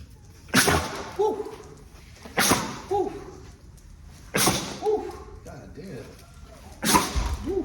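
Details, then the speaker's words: Pitbull dog sneezing after the floor was mopped with bleach: four forceful sneezes about every two seconds, each with a brief snort; she hit her face on the floor while sneezing. "she just bust her face sneezing did y'all see that it's on camera she just bust her face with the floor"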